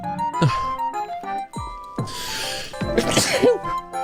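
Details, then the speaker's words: Adult streamer's sneeze from a compilation of sneeze clips, sharp and explosive, partly masked by continuous background music: sneeze. "Oh no, I'm about to sneeze. Excuse me. I just sneezed."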